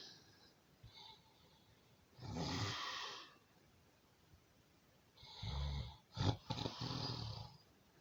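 Two loud, rough, rattling snoring breaths about three seconds apart, the second broken into fluttering bursts.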